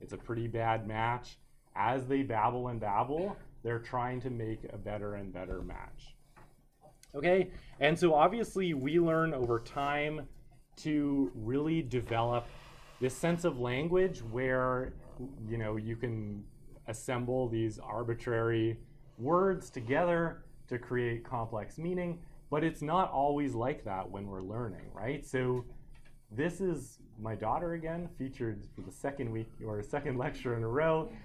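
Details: Adult male lecturer; normal speech.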